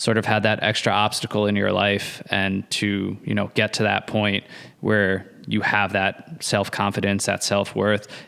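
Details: Adult male speaker; normal fluent speech.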